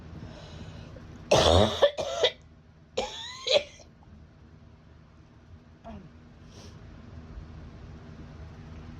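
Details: Adult with acute bronchitis, about 10 days after a summer head cold that moved to the chest. Two clusters of harsh, partly voiced, chesty coughs, about four bursts, in a quiet room.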